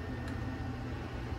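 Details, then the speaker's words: Daily QA test scan on a GE Lightspeed 16-slice CT scanner, no patient: a steady low mechanical hum and rumble as the gantry rotor spins up before the scan. "If not, you'll just see the start scan button eliminate. You should be good to start scanning. Let's give the rotor some time to spin up"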